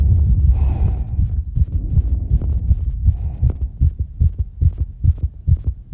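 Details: Rapid, pounding heartbeat around 200 BPM recovering after exercise, with heavy breathing early on; tachycardia after exercise.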